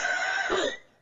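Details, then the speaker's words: A single harsh cough with a whistling, wheezy tone on the outbreath, fading quickly, played as an example of the asthmatic cough: wheezing when breathing, coughing mainly on exhaling. "천식이 있다고 하면 숨을 쉴 때 쌕쌕거리는 천명음이 있고 주로 숨을 내쉴 때 기침을 하게 됩니다."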